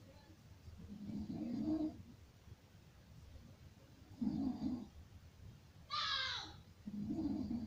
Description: Enjoy this horrible sound of Snoring at its finest.